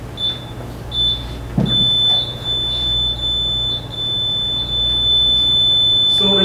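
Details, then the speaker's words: Repeating high-pitched electronic beeps over room hum: a student-built invasive blood pressure monitor alarm, set to trigger below 100 or above 140 mmHg systolic and below 60 or above 100 diastolic. "the alarms have both audible and visual indications to create technical stuff during emergency situations when the pressure value goes below 100 millimeters of mercury and above 140"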